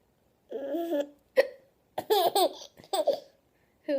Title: Hiccups are Funny